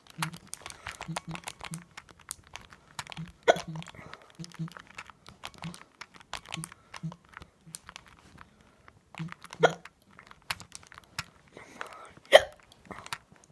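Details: About three sharp, sudden hiccup gulps over thirteen seconds, with keyboard and mouse clicking throughout during video gaming; hiccups.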